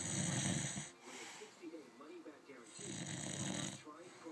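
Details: Person asleep in a nearby bed, with two loud, rattling snores about two seconds apart and faint voices between: snoring during sleep.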